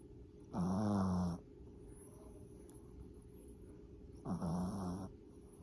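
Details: Sleeping dog snoring loudly: deep, vibrating, growl-like inhalations about four seconds apart over steady background hum; snoring.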